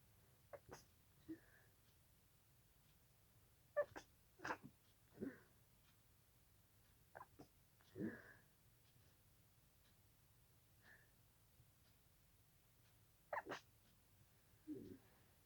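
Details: At night, after a nose itch, a person in a quiet room stifles a sneezing fit: several soft, muffled sneezes separated by quiet pauses.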